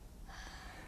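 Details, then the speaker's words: Normal breath sounds in a child, auscultated with the diaphragm of a pediatric stethoscope while the child breathes slowly with mouth open: brief soft airflow, no added sounds. "lessen separately to inspiration and expiration the normal ratio is 3: one characterize the normal breath sounds as bronchial bronchovascular or vascular"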